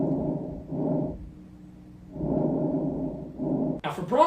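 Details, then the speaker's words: Normal vesicular breath sounds: soft, low rustling with longer inspiration and shorter, fainter expiration, overall reduced intensity compared with bronchial breathing; teaching example. "for vular it has longer inspiration period and shorter expiration VE for shorter expiration and vessie for longer inspiration it also has reduced breath sounds bicular reduced"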